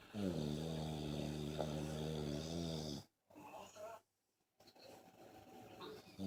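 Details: Adult man snoring: a long, loud, buzzing snore followed by quieter, broken breathing noises.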